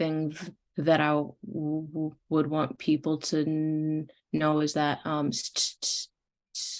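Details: Woman in stuttering speech therapy whose stuttering varies randomly by sound and day, using avoidances when overthinking; a word broken into a fragment; stuttering.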